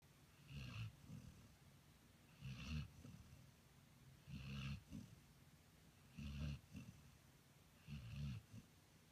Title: snoring 2015